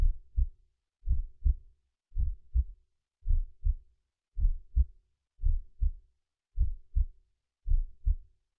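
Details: A person's own heartbeat, recorded in mono and converted to stereo with a slight binaural pitch adjustment: steady, paired low thumps at about 55 beats a minute, a normal heartbeat at a slow resting rate.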